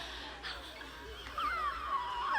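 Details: Hoarse voice in a female singer who lost her voice that weekend, heard while attempting high singing; voice loss.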